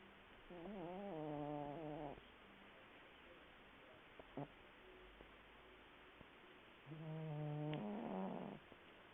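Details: Cat deeply asleep: two soft, tonal snoring breaths several seconds apart against faint room noise.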